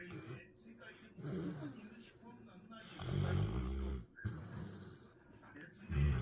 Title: She Is Snoring! #dog #dogmom #puppy #puppers#doglover